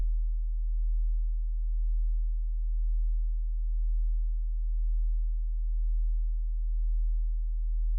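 A continuous, very low, steady pure tone with a slight slow swell. It is a test tone used for hearing checks.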